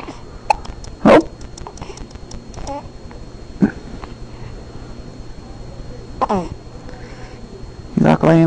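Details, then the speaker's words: Hiccups in a young child lying on her father: four short, abrupt bursts about every two seconds over a quiet room with faint background noise. "Hey, darling. You got the hiccups?"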